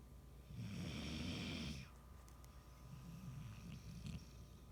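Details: Sleeping pet snoring: a rumbling, fluttering snore on the in-breath, then a softer snorting breath.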